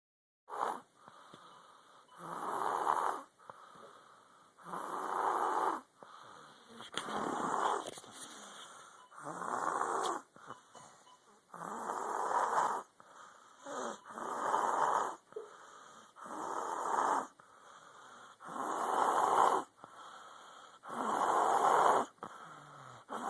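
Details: Sleeping "little girl" snoring heavily: loud, rattling snores on both in- and out-breaths, about 12 breaths a minute.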